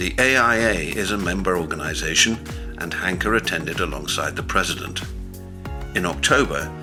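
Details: Adult male narrator; normal fluent speech.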